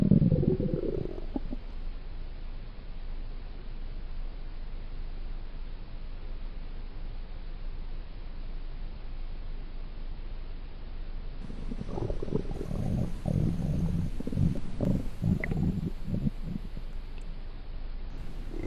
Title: The Sound Of Hunger From Stomach Sound Effects (FREE TO USE) @Дейзи09ГТАГ_Русский